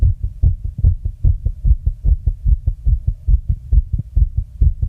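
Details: My fast heartbeat: rapid, fairly regular low thumping at roughly 145 beats a minute with a faint hum behind it; tachycardia.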